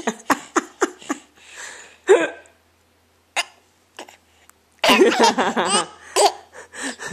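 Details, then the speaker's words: Young child with hiccups, laughing: a quick run of five short, sharp voiced catches, then giggling and laughter broken by further catches; hiccups. "what? Are you trying to steal my coupons? Oh, now you got the hiccups. Oh, no."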